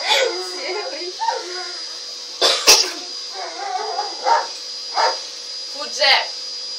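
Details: A cat gives a series of short, harsh, hacking coughs over faint voices and room noise.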